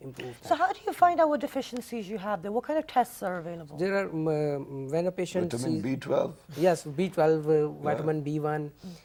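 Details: Adult speakers in conversation; normal speech.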